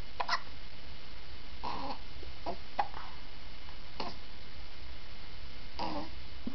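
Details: Infant K, smiling and happy, with hiccups: soft, short catching sounds recurring about every second in a quiet room, six in a few seconds.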